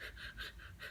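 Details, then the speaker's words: An adult woman imitates how she breathed for about 45 minutes after chlorine exposure: quick, short, shallow breaths in rapid succession, with chest pain, wheezing, coughing, vomiting and inability to breathe deeply. Rapid, shallow, labored breathing. "And my chest hurt really bad. It was like I couldn't, and you can hear some of the wheezing in my chest. It was like I couldn't take deep breaths, and I can only go."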